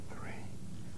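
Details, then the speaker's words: Patient whispers "1, 2, 3" while the posterior chest is auscultated with a stethoscope diaphragm; the whisper comes through louder and clearer than normal, suggesting airless lung: whispered pectoriloquy. "finally ask the patient to whisper 1 2 3 when these sounds are louder and clearer than normal whispered pectoriloquy is"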